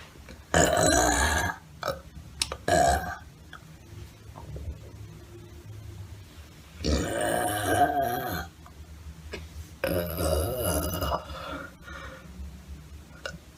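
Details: Four long, loud, deep burps with quiet gaps between them and faint room noise; burping.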